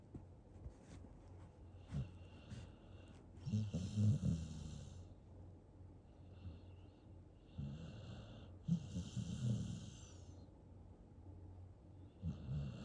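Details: Male Staffordshire terrier mix puppy drifting off to sleep and dreaming, with low, rattling snores on each breath over soft background noise: ordinary snoring.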